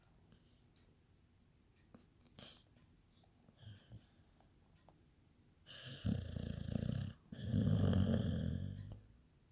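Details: Sleeping dog snoring: soft snuffles, then two loud, rough, fluttering snoring breaths near the end; recorded 2019; snoring.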